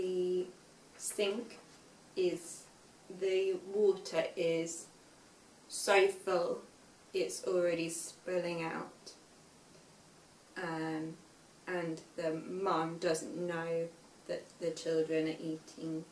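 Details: Young woman, 5 years after a stroke at age 18, describing a picture with word-finding difficulty; aphasia.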